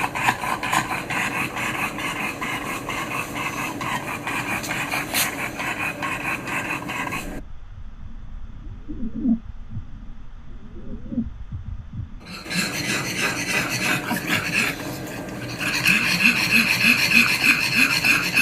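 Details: Flat-faced dog with severe, grade 3 brachycephalic obstructive airway syndrome: loud, harsh, rapid rattling breaths; stertor from severe upper-airway obstruction.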